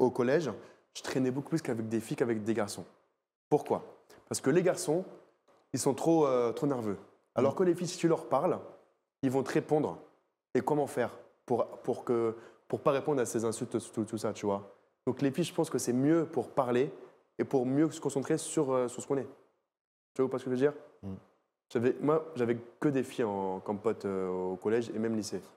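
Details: Stuttering in a 24-year-old male magician who stuttered heavily as a child and still stutters somewhat less now; unscripted storytelling with part-word and word repetitions heard.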